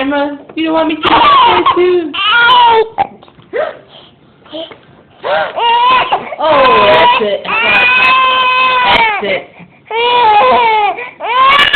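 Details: A baby who has the hiccups cries with repeated loud, drawn-out wails and brief pauses between them: infant crying.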